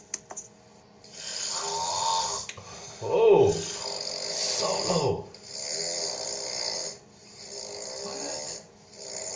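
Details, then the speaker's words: Loud snoring from a person asleep in a hotel room at night, recorded by someone else: loud, rough, rattling breaths in uneven cycles with brief pauses between them. "I might have got a little bit loud this is some next-level embarrassing okay you ready for this go panelling ice me I snore come on all right apparently this is the evidence"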